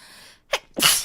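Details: Okayu (Hololive streamer) sneezing during a live stream: quiet room tone, a short indrawn breath, then one sharp explosive sneeze.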